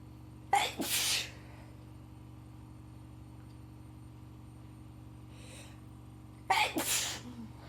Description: Today was probably the worst day of my cold making for some epic sneezy moments.